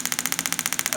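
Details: Rapid, even train of sharp hissing taps, about a dozen a second, from a Storz D-Actor 100 radial shockwave therapy device treating rotator cuff tendon pain over the shoulder; radial shockwave device operating.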